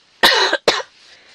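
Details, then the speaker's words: Adult woman just up, slightly hoarse, after coffee: two short, harsh, dry throat-clearing type cough bursts with quiet room noise after. "oui je tousse je suis un peu enrouillée je suis je viens de me lever j'ai juste pris le café"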